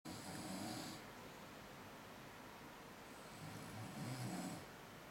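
Two rough, rattling snore-like breaths over five seconds, an adult's deliberate imitation of snoring rather than sleep.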